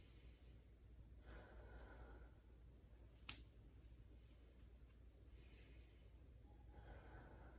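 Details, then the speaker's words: A student nurse auscultates a female patient's posterior chest as she breathes in through her nose and out through her mouth; breath sounds are bilateral and even, with no crackles or wheezing, so they are normal. "breathing was bilateral it was even I didn't hear any crackles or um wheezing so that's a good sign"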